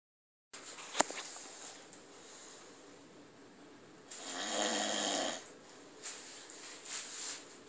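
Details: Adult man snoring, then waking up and falling back asleep: rough, fluttering breath sounds with one loud snore and quieter noisy breaths after; ordinary snoring.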